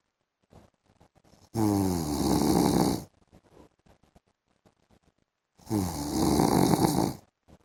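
Two loud, rough, rattling snores about four seconds apart, with quiet breathing between them; ordinary snoring.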